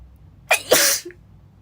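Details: A girl sneezing while reading aloud: one sharp sneeze, a quick inward catch then a loud hissing burst of air, in quiet room noise.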